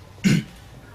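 A single brief, forceful throat-clearing grunt in a quiet room, an acted vocal tic of Tourette syndrome.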